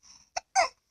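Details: Small child with a cough: two short coughs after a faint breath.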